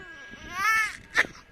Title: Cutest Baby Crying Moments।।😂#shorts#youtub#baby crying